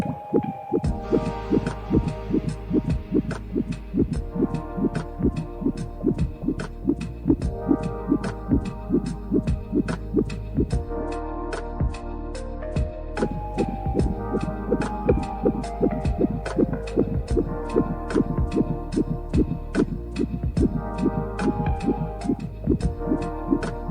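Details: Fetal heartbeat on a Cofoe HB 2001S fetal Doppler: rapid, regular pulsing thumps at about 146 a minute over steady tonal humming.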